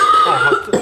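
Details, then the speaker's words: Example cough played on a health show: brief harsh cough with a thin, steady whistling tone, like a choked neck, suggested as typical of heavy smokers, asthma or chronic bronchitis, worse at night; cough with wheeze. "这不是抽烟的人吗？抽烟的人不是吗？对，这昂心啊，就感觉像脖子被掐住的声音。没有，这是 keyboard 这里，有没有？它有那个弹息的声音。"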